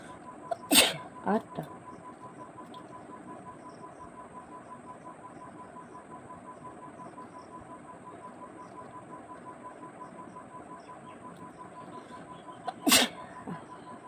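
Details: Two deliberately induced sneezes from a woman tickling her nose with a twisted saree end in a nose-sneezing challenge; sharp sneezes about twelve quiet seconds apart against steady room hum.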